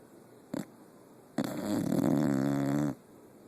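A brief snort, then one long rattling, buzzing snore lasting about a second and a half. Snoring.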